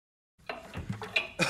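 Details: Studio outtake before a count-in: after brief silence, a guitarist gives a short, rough cough with throat-clearing noises in a quiet studio room.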